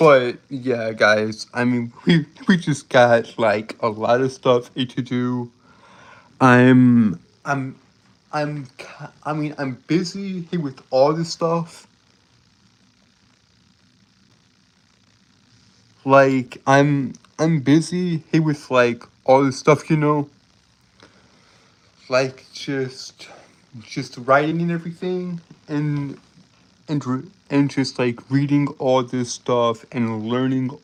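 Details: Male streamer with a self-reported speech impediment that makes him stutter and trip over his words; phrases are repeated over and over; stuttering.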